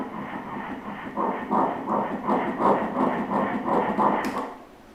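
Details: Pregnancy at 9 weeks 2 days on ultrasound Doppler, with the fetus starting to move: fetal heartbeat.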